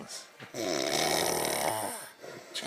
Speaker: And here, in his own environment, we have the warthog, sound asleep, blissfully unaware of his surroundings.